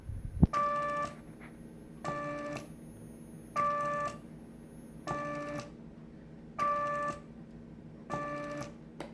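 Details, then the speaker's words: Homemade artificial respiration machine with adjustable flow and volume, just switched on with no patient attached, blowing air past a paper strip: regular mechanical cycles with soft whir and steady beeping, about 20 a minute, flow turned up. "Donc là, je fais on. Là, la machine, il fait sortir de l'air par là."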